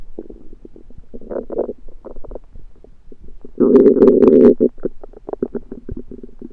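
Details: Belly sounds that began suddenly after eating a home-cooked meal the person thinks was undercooked: loud gurgling and rumbling with one long growl in the middle. Active bowel sounds (borborygmi).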